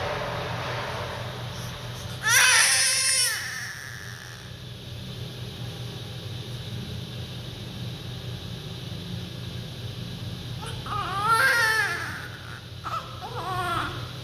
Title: Baby crying sounds in words “Neh” hunger. A newborn baby uses sucking reflex to create the sound neh